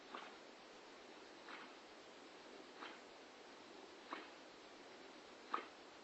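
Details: A sleeping Staffordshire bull terrier (Staffie) snoring loudly, a racket likened to a horse that wakes the other two up.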